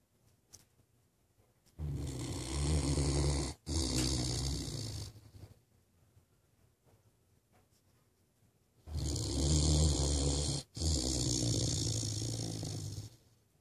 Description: Ace our Great Dane snoring like an old man!